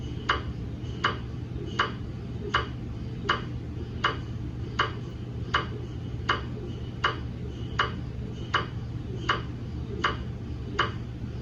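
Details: Steady, regular knocking about 80 times a minute over a low hum from a GE MRI scanner running a daily quality-assurance scan on a head phantom in a head coil: MRI scanner gradient noise.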